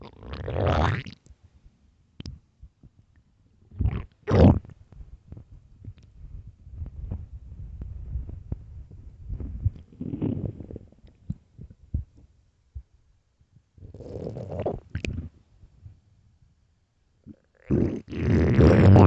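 Loud, irregular low gurgling and rumbling from the abdomen with quiet gaps: stomach growling from hunger.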